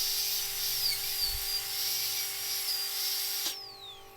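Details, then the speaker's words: High, steady whine of a dental drill with a diamond bur smoothing bone edges around an extraction site on a surgical extraction simulator, before extraction; simulated dental extraction. "So, remove any loose fragments of tissue and then we're going to use our diamond bur to smooth off around the edges before we extract."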